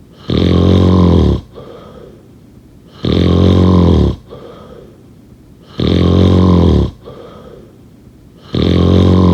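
Four loud, steady, low snores on breathing in, about 21 breaths a minute, with softer breaths out between them: regular snoring.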